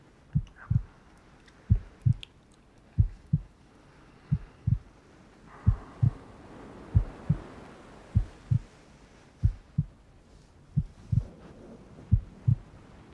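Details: Furry ASMR roleplay with rain ambience: slow, steady paired heart sounds, lub-dub, about 54 beats a minute, with faint rain-like background hiss; heartbeat sound effect.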